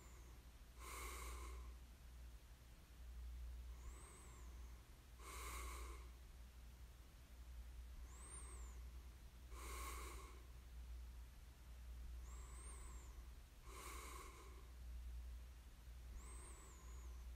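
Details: Snoring ASMR recording of a sleeper: snorting snores about every four seconds, about 14 a minute, alternating with softer whistling breaths over a low room hum.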